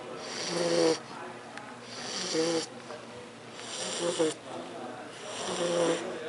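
Loud, rattling snores with each breath in, about four in six seconds, separated by quieter exhalations; typical heavy snoring of a flat-faced dog.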